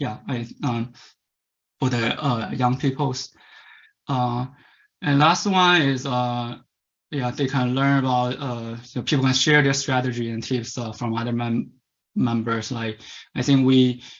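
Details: Stuttering in a Chinese male adult who stutters; as a child of about 10–11 he attended a commercial stuttering "fix" course.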